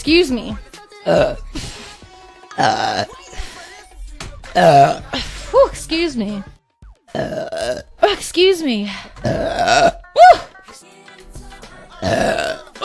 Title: Blonde Streamer Mom Relieving Gassy Burps (Compilation)